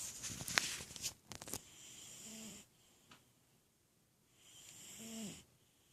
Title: Cat snoring